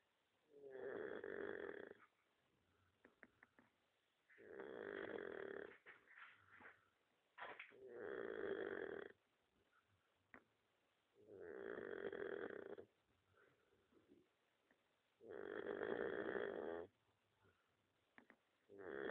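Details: Dog snoring: slow, regular snoring with five long rattling snores, each followed by a quiet pause, about 16 a minute, in a quiet room.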